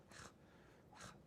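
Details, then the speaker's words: Person with Tourette syndrome demonstrating a noticeable tongue tic that developed within the last 10 years, while their other tics have lessened with age: two brief, soft tongue-and-mouth noises close together. "But within the last, I'd say 10 years, I've developed like one that is pretty noticeable. It's with my tongue, so I will do,"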